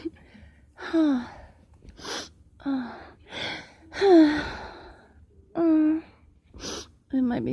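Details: A person trying to stifle a strong sneeze makes a series of sharp, voiced inward gasps with breathy exhalations between them, the build-up breaths before a sneeze.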